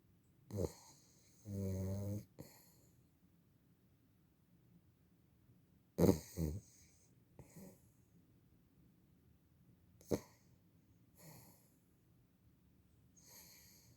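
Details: Sleeping female beagle puppy snoring: soft, irregular snoring and snorting breaths with a brief rattling snore.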